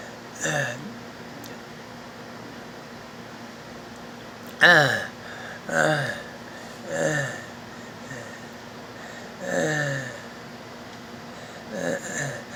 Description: Sounds of stridor